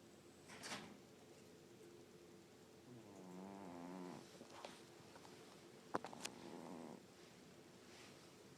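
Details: Overweight pet cat snoring softly while asleep, with a buzzing, fluttering inhaled sound and quiet breaths between.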